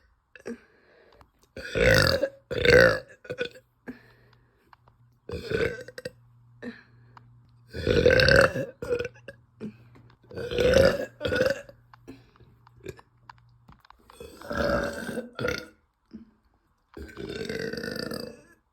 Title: uncontrollable burps after eating